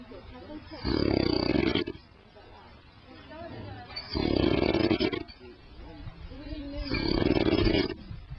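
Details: Man who denies snoring, filmed while asleep: three loud, rasping inspiratory snores, about 20 a minute, separated by quieter out-breaths; habitual snoring.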